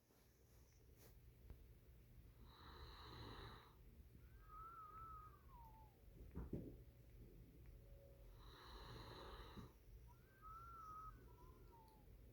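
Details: Sleeping puppy snoring with a whistle: two breath cycles, each with a soft snore on the in-breath and a high whistle on the out-breath, in a quiet room.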